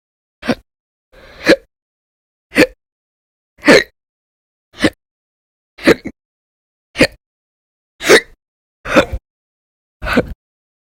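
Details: Ten sharp, abrupt hiccups, roughly one a second, each a brief sudden catch of breath with silence between; violent, loud hiccups.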